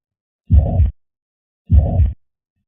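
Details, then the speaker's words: Animated, simulated heart sounds: mitral regurgitation holosystolic murmur, hollow, starting at S1 and even in intensity through all of systole, best heard at the apex with radiation to the left axilla. "Examples of conditions associated with common systolic murmurs include mitral valve regurgitation, when the mitral valve does not close properly and blood surges back to the left atrium during systole. The murmur starts at S1 when the AV valves close and maintains the same intensity for the entire duration of systole."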